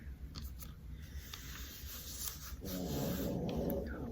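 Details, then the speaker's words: Old sleeping dog snoring in a small room: low, rough rumbling that grows louder and fuller partway through; snoring. "Gigi's really snoring now my talkie must put him to sleep there goes the wind I can't hear the one because you snoring - sheesh he's right go into town poor guy he's getting old"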